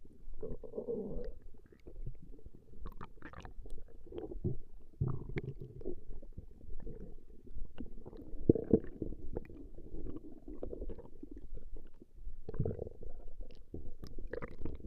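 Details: Female's stomach growling recorded over a 20-minute session: long, low gurgling rumbles coming and going without pause as gas and fluid move, ordinary borborygmi.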